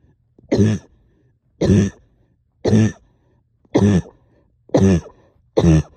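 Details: Productive cough in a person up all night with a heavy chest and headache: six deep, harsh coughs about a second apart, each a single forceful burst, heavy and phlegmy with stubborn sticky phlegm.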